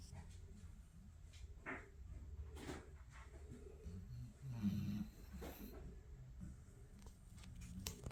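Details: Sleeper snoring: low, rumbling breathing noise in a quiet room, with one louder rattling snore partway through; snoring.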